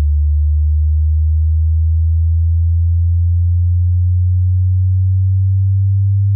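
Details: Hearing check to find which frequencies can be heard: steady, deep pure tone gliding slightly upward, low-pitch test tone: hearing test tone.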